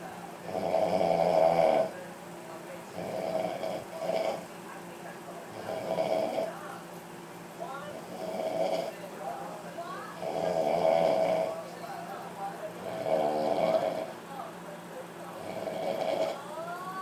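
Loud, regular, buzzing and somewhat whistling snores, about 24 bursts a minute, with a steady rhythm through the sleep.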